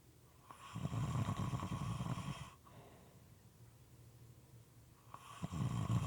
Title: Snoring Sounds- moist and sometimes irregular